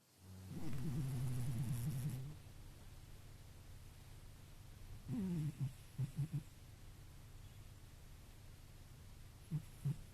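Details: Low, buzzing, irregular breaths with fluttering snorts in a quiet room: a senior rescue cat, tagged tortoiseshell/brown tabby, snoring in deep sleep by a window.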